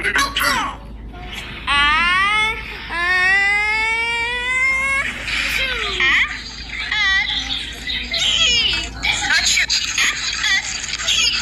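High, drawn-out crying wails from an infant with some fussing in between; an ordinary infant cry.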